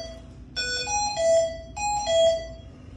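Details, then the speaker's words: Hamilton C1 ventilator set-up demonstration: repeating two-part melodic electronic alarm right after ventilation starts, displayed as oxygen supply failed, the supply connection needing to be checked; mechanical ventilator alarm. "as you can see it's alarming auto supply field you want to make sure this is connected over here"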